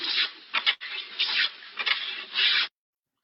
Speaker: So same sound you can hear in the joint. So this is the grating sound. If you get getting a grating sound in the joint, that suggests you of the osteoarthritis.